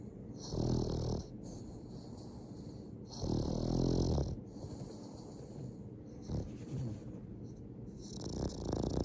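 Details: Sleeping Boston terrier dog, dreaming with eyes wide open, snoring: slow rhythmic rumbling snores on the in-breath, with soft snorts between.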